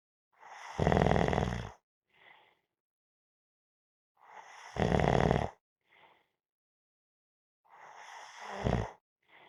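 Three loud, rattling snores on breathing in, each followed by a soft breath out, about every four seconds; ordinary snoring.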